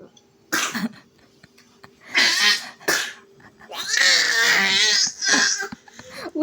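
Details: An infant screams until coughing, with several short, harsh coughs around a long high-pitched scream.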